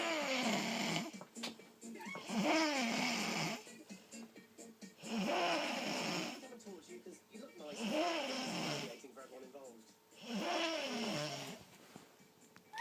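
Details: Loud rhythmic snores with rising-falling whistly, squeaky tones, about every 2.5 seconds, over soft background music; snoring.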